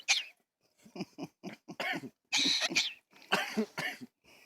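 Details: A cockatoo gives a run of short, harsh, human-like cough bursts, described as a bird that "smokes": an imitated cough, not illness.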